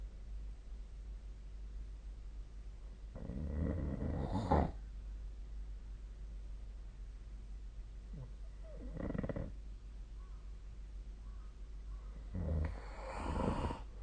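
Three rough, rattling snores during sleep, recurring about every four to five seconds over steady low room hum.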